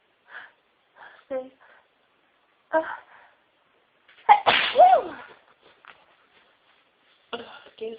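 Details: Woman who has been very sneezy all day: a sharp, forceful sneeze burst among several brief sniffs and short voiced sounds in a quiet room; repeated sneezing.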